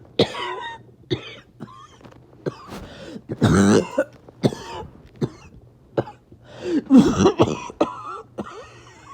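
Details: Repeated harsh coughs and throat-clearing bursts, some with a hoarse, strained, whistling quality, after a bad 48 hours of illness; an awful barking, wheezy cough.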